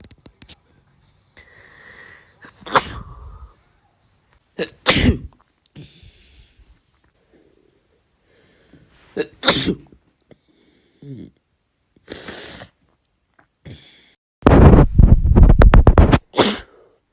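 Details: Young male: a run of loud, explosive sneezes in quick succession with short gaps, ending in a rapid burst; ordinary sneezing.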